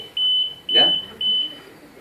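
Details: Repeated high-pitched ventilator apnea-alarm beeps with a brief breathy sound. The alarm stops when the patient, possibly agitated or over-sedated, breathes again, and backup ventilation ends as spontaneous breathing with variable rate resumes.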